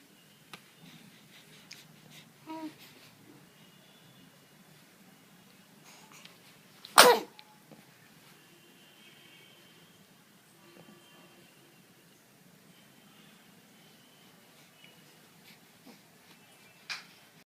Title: sneezing